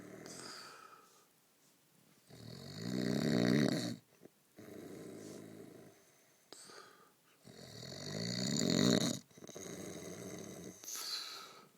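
Rhythmic, rattling snores on the in-breath with quieter breaths out, about five to six breath cycles a minute, in a quiet room.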